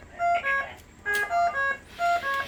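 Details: BiPAP high-priority alarm chime, sounding when a low minute volume or low tidal volume alarm persists and escalates from low to high priority.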